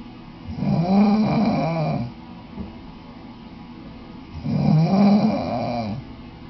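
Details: Adult male roommate snoring in his bed loft: two loud, rumbling snores on inhalation, about four seconds apart, with quiet pauses.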